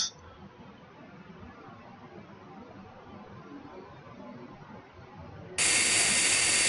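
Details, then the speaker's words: Quiet room, then a sudden loud high-pitched whine with air-spray hiss: a high-speed dental drill with round bur cutting depth holes in the mesial and distal fossae of a lower first molar, Class I amalgam cavity preparation. "we could also place other holes at the mial and distal fory to establish a uniform depth"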